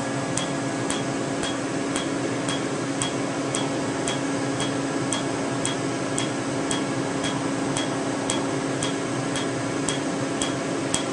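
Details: Steady sharp snapping clicks about two per second over constant machine hum: Q-switched Candela Tri-Vantage laser pulses (755 nm alexandrite) treating a tattoo after topical anesthetic cream.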